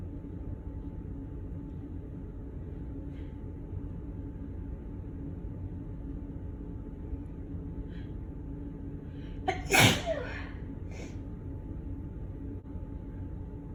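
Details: Sneeze triggered by cigarette smoke smell from a neighbour's smoking via an A/C vent: a single sharp sneeze with a brief intake of breath before it, over quiet room hum.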